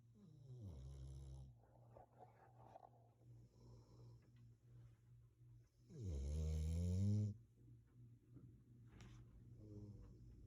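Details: Dog asleep on owner's lap: low, buzzing snores with soft breathing between them and one long loud groaning snore; snoring.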